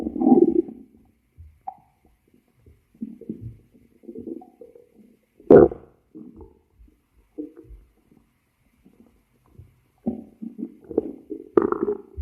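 Irregular gurgles and low rumbles with quiet gaps between, ordinary stomach growling.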